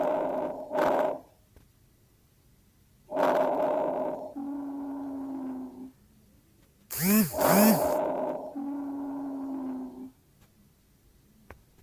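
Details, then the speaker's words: Chest auscultation with a stethoscope in bronchial asthma: noisy breath sounds with long, steady musical whistling tones on breathing out, wheezing. "और जब आप state लगाएंगे उसके तो जिजिंग आएगी यह स्टेशन जब आप करेंगे तो आजकल में जिजिंग सीटी बजती आएगी"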